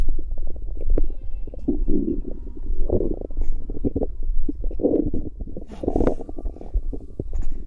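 Low rumbling and gurgling from the abdomen, with irregular bursts; ordinary bowel sounds.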